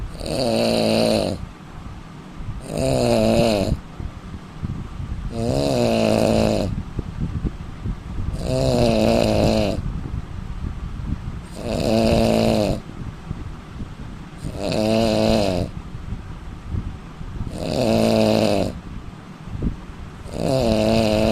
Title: indian man snoring 😃🤣